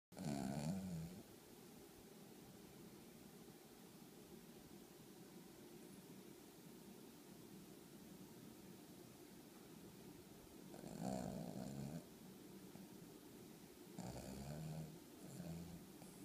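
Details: Small dog in deep sleep at 6 am, snoring with a gurgling sound: three loud, rough snorting snores separated by quiet stretches of steady room noise.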